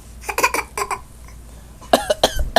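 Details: Several short, deliberate coughs in quick clusters, a young child playfully imitating an adult's cough (a "pity cough").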